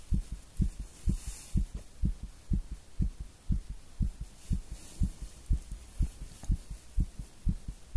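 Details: Fast, strong heartbeat after coffee and nicotine: regular beats at about 120 a minute with background hiss.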